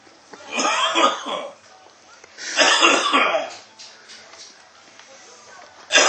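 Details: A loud snorer given hot sauce as a "cure for snoring" has two loud, harsh coughing fits in quick succession, each a rough burst of several coughs; coughing.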